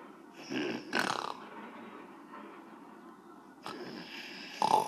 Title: Annoying strawberry snoring